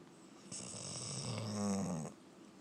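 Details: Close-up recording of a sleeping black and tan Labrador dog snoring: a single long, rattling snore with a low buzzing tone in a quiet room.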